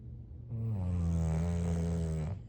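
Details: Sleeping bulldog snoring: one drawn-out, deep, buzzing snore on a single breath against faint background noise, typical of a short-nosed dog.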